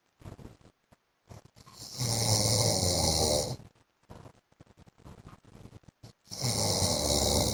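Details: Husband's heavy snoring during sleep: harsh, loud snoring breaths with snorts, stretches of quieter breathing and small noises between them.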